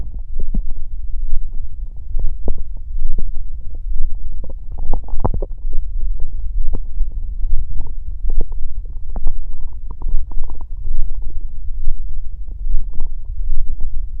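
Loud, continuous low rumbling and gurgling with bubbly pops; stomach growling from gas and fluid moving through the gut.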